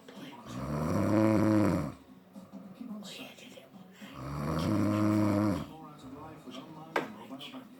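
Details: Loud, rattling inhaled snores at about 16 per minute, with faint background TV talk; ordinary snoring.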